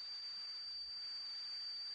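Steady high-pitched whistle over soft hiss, a simulation of kettle-like tinnitus.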